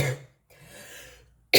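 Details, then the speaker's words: Adult woman with a cold and a failing voice coughing: a brief loud cough burst, a quiet breathy stretch, then the start of another cough. "Excusez-moi, ça doit être très désagréable pour vous en vidéo de m'entendre tousser, mais c'est la cata, hein. J'ai chopé la crève, j'ai la voix qui part en cacahuète, enfin bref."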